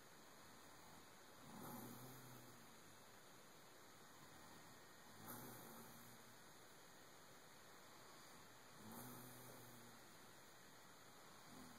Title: Satan snores